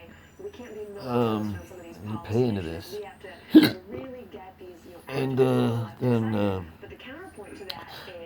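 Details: Adult with persistent intractable hiccups since December 2015, plus breathing and choking spasms, cause undiagnosed: a single sharp hiccup breaking into ongoing speech.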